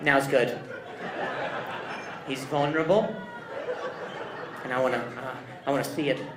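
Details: Adult male stand-up comedian with stuttering, speaking on stage during crowd work; he says he stutters more when hearing noises and that it depends on his anxiety level.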